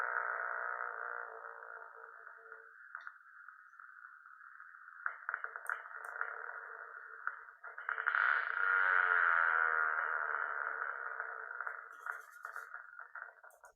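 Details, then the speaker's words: EMG recording in myotonic muscular dystrophy: rapid firing that rises to a peak in pitch and loudness then descends, the dive-bomber pattern of myotonic discharge. "hay un sonido característico que la llaman el patrón en bombardeo en picada no como se puede ver nos recordará mucho este el sonido que producen no cuando un avión en este caso en Segunda Guerra Mundial como su mismo nombre lo menciona no tiene ese sonido donde incrementa llega un punto tope y desciende"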